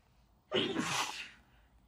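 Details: A single sudden, forceful, hissing sneeze, part of a sneeze fit.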